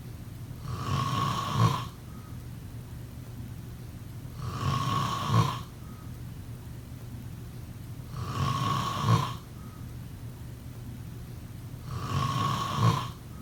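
Regular snores about every 3.7 seconds, around 16 breaths a minute, each a rough buzzing in-breath ending in a soft snort, over faint room hiss.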